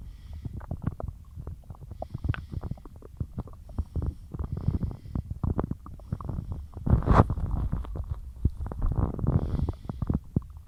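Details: Continuous low gurgling, bubbling and rumbling with frequent clicks and a louder squelching gurgle midway from a bloated stomach after a large lunch of cheesy pasta and milk while dieting. Finding: borborygmi (bowel sounds).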